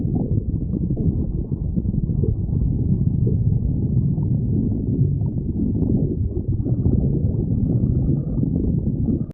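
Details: Stomach growling (borborygmi): continuous low rumbling and gurgling with no clear pauses as gas and fluid move through the gut.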